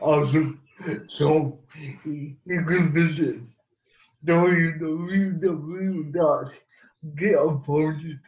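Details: Dysarthric speech in a man with cerebral palsy who has used a wheelchair most of his life; the speech disorder is not named.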